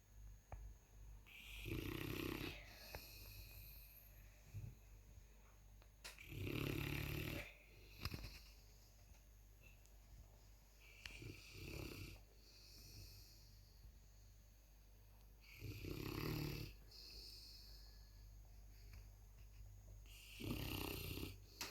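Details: Heavy 155 lb female Presa Canario cross (mastiff) puppy snoring loudly while asleep: deep, rumbling snores with slow, noisy breaths, about five loud snores over twenty seconds, with low room hum underneath.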